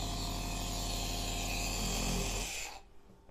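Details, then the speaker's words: An electric compressed-air nebulizer with medicine in its cup, switched on: loud, steady mechanical buzzing and rattling from the compressor motor that stops abruptly; the noise can frighten small children. "कि आपके घर किया कि जैसे ही मुस्लिम को on किया है एकदम अच्छा खासा शून्य पैदा होता है और गुस्से में इशारा होता है और साथ मशीन से भी शोर पैदा"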